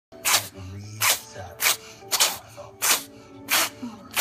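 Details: Cat sneeze attack: a run of about six short, sharp, hissing sneezes, roughly one every half second to second.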